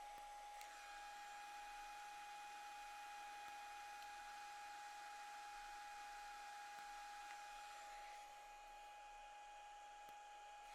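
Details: Home Philips Lumea IPL hair removal device operating during a self-treatment on the legs: steady high whine with faint regular clicks, about four a second.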